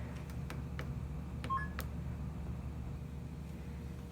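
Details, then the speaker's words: Several key clicks then a brief two-note confirming beep over low machine hum as the accept key is pressed after setting rate, tidal volume, FiO2 and PEEP in AC volume control on a PB 840 ICU ventilator: accept tones. "once you're happy with all of these settings you press this hard hard key which is an accept button"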